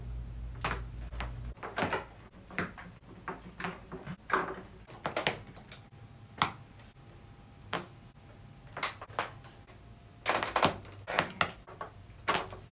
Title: 【QUICK】back cracks compilation (part2)